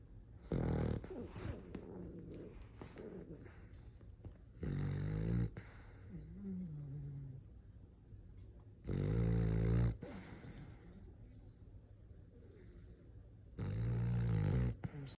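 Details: French Bulldog snoring like an old man: loud, low rattling snores recurring about every four seconds over quiet breathing, with soft snuffles between; snoring.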